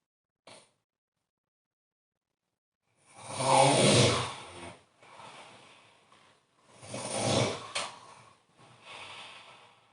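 Noisy, rough breaths during sleep, including a loud snorting intake and softer breathy snores; snoring.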